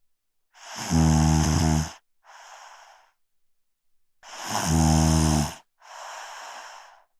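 Two long, loud rumbling snores on the in-breath, each followed by a quieter hissing breath out, about 17 breaths a minute: snoring.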